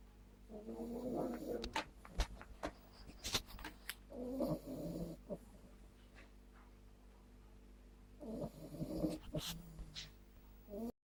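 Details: A Staffordshire bull terrier puppy snoring, owner unsure whether normal, likening it to an old man's snore: three rough, rattling snores on slow breaths, with sniffs and clicks between.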